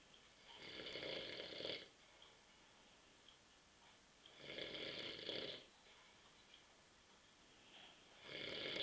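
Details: Adult man asleep on a sofa on a Saturday night at 9:30 p.m. after drinking many beers; loud, rattling snores about every four seconds, each over a second long, with quiet pauses. Ordinary sleep snoring.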